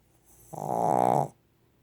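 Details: Single short, buzzing, rattling breath under a second, fitting a small animal: snoring.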